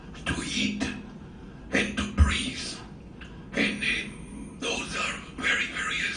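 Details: Tracheoesophageal speech via a small tracheoesophageal prosthesis, after laryngectomy for head and neck cancer; adult male physician with no vocal cords, who says his voice is a little weak.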